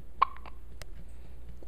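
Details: Dog with brief, sharp little hiccup sounds, a couple of jerky catches in quick succession: hiccups.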